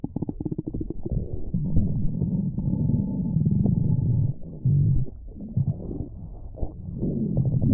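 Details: Low, drawn-out gurgling and rumbling with bubbly bursts: stomach growling (borborygmi) from gas and fluid moving through the gut.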